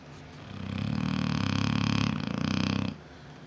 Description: This is Bella, my 7 year old Neapolitan Mastiff sleeping. She snores so loud that you can hear her through out the whole house.